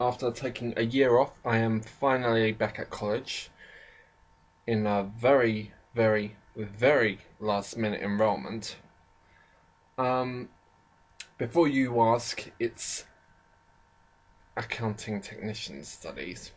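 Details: Speaker with a self-described slight stammering problem who often stammers or pauses, only partly edited out; stuttering.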